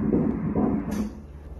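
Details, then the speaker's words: Fetal heartbeat on Doppler ultrasound at 14 weeks of pregnancy (early second trimester): brief muffled rhythmic whooshing at 143 beats per minute, a normal rate. "A frequência do coração está em 143 batimentos por minuto"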